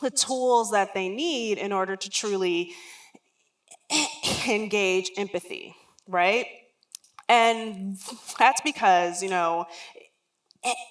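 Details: Real lifelong stuttering in an adult woman who says words and phrases don't come out as quickly as she would like.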